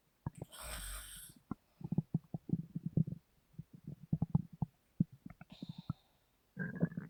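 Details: Irregular low bubbling and gurgling runs after one breath from a sleeping woman, who says her stomach grumbles a lot: stomach rumbling (borborygmi).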